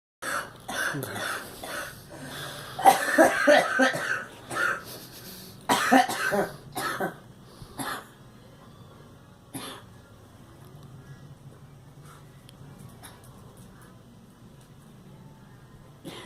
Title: Girl coughing